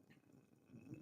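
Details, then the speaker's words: Stomach growling (borborygmi) from an adult male host during a morning show: a rumbling sound heard over the microphone. "producer Eric are you wearing headphones yeah can you hear my stomach growling"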